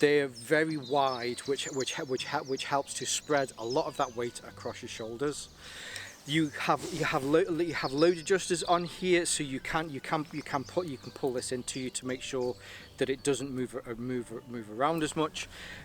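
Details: Adult male with a stammer he links to his anxiety, lingering but improving; stuttering.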